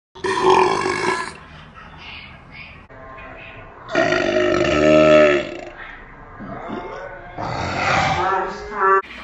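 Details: Several long, deep, drawn-out burps with a rumbling voiced quality, played back in slow motion.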